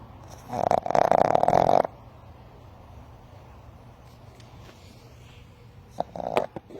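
A sleeping puppy gives two snorting, nasal snores with quiet breathing between them.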